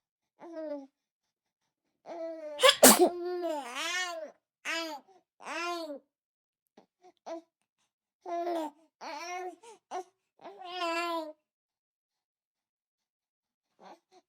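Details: Baby sneeze: a small, high-pitched infant sneeze followed by babbling and gurgling coos.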